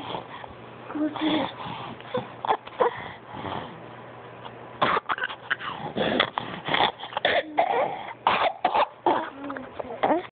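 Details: A child's coughing: a run of short, harsh coughs with voiced, slightly wheezy tails, after quieter breathing and vocal sounds.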